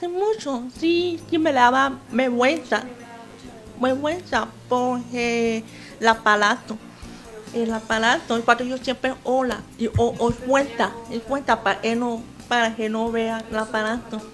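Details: 28-year-old woman with congenital hearing loss who uses a hearing aid and sign language and learned to speak at a school for hearing students after sixth grade; some speaking difficulty in Spanish; deaf speech.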